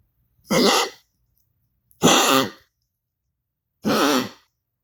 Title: Goliath coughing for Dr. Olsen 3